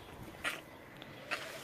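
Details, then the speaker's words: Young goat kid with pneumonia from aspirating bottle milk, now recovering: two short, soft coughs about a second apart while nursing, over quiet outdoor background. "Every time they drank from the bottle, they would suck it into their lungs and then start coughing, so that's where the pneumonia came in."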